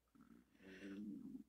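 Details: Soft, low gurgling rumble that swells and fades over about a second, from the stomach of an adult woman lying in bed with chronic diarrhea, a bleeding hemorrhoid and a family history of Crohn's disease (not diagnosed): audible bowel sounds (borborygmi).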